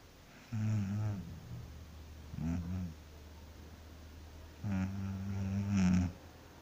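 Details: Woman sleeping after work: three loud, low, rattling snores in a row, each a deep buzzing breath; snoring.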